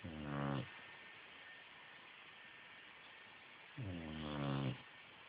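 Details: Boxer dog snoring: two long, rumbling snores a few seconds apart over a quiet hiss, with silent pauses between breaths.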